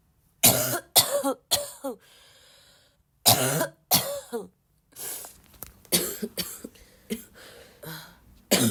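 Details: Cough in a person who is still sick and coughing a lot, tagged as a barking cough: repeated harsh, forceful coughs in bursts, about a dozen in under nine seconds, with brief pauses between runs.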